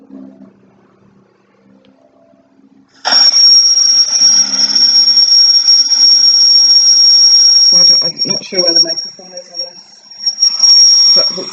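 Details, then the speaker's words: Loud, steady high-pitched whistle with hissing, played through a device from a website as the closest match to an adult's own tinnitus, diagnosed nearly a year earlier: simulated tinnitus. "And the reason this website was so good was it allows me to explain to people what my hearing sounds like, so what tinnitus sounds like for me."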